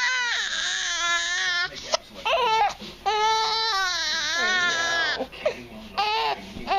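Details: Infant boy with hiccups that he dislikes: loud, rising and falling crying in repeated bursts with short breaths between, in a small room.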